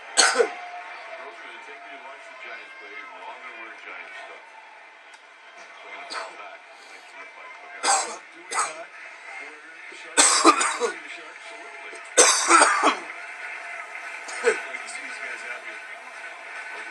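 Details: Coughing fit: repeated harsh cough bursts, about seven in seventeen seconds, over background television talk.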